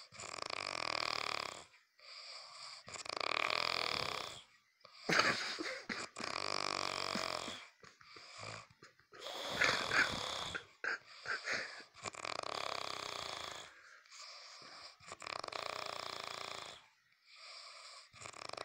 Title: Funny snoring